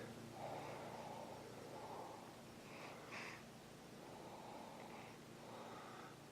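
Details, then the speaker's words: 7-week-old male baby, sick with stuffy nose and cough, no fever, sleeping; noisy snorting breaths through a blocked nose with each breath: snuffly breathing from nasal congestion. "luckily he's older yeah but he's still a little he's just had this stuffy nose and a cough too"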